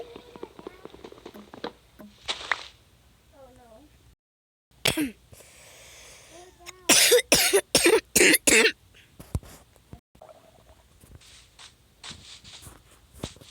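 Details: A run of about six sharp, loud coughs in quick succession, with quiet speech and room noise, while recording a Minecraft video; cough.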